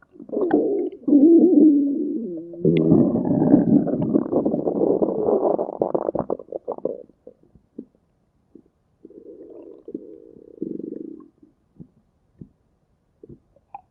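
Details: Stomach growling (borborygmi): loud, gurgling, rolling growls in long bursts, then softer rumbles and scattered small pops.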